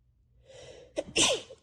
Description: I went to a party yesterday and hugged and kissed a ton of people, then woke up like this 😩 sneezing, coughing, major sinus pressure, scratchy throat, and losing my voice